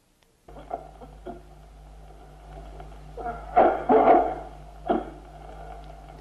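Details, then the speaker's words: Several short, harsh, dry coughs in quick bursts: the dry irritative cough of bronchogenic carcinoma. "vamos a oír algunos tipos de tos la tos seca irritativa del carcinoma broncogénico la tos húmeda de la bronquitis aguda y la tos seca tímida deuda de la pleuresía dolorosa"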